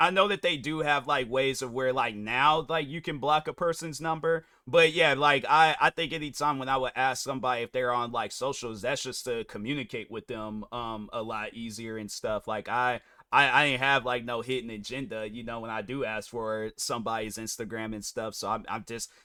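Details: Adult male speaker; normal conversational speech.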